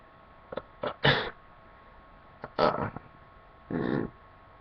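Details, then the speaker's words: Self-induced wet sneezing, trying the more sensitive left side: short sharp inhalations, then two forceful wet sneezes and a final breathy burst in a quiet room with faint hum. "so let me try my left side again very sensitive to the left"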